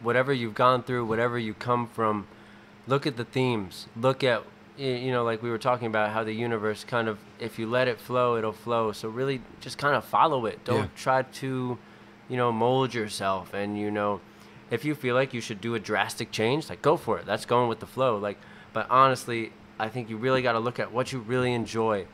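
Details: Adult male speaker; Normal conversational speech.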